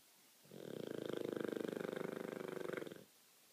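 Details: Olde English Bulldogge snoring loudly: one long, rattling, fluttering snore lasting about two and a half seconds.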